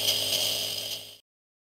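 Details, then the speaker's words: Compressor nebulizer (Inspiration Elite) with hissing and rattling mechanical hum that sputters and then stops, marking the end of a roughly 6–8 minute treatment when the mist stops. "usually the process takes about six to eight minutes you'll hear a sputtering sound when it's time to stop and the mist will stop coming out"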